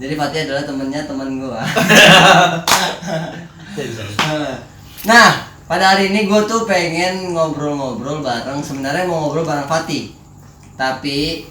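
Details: Adult male speaker; normal speech.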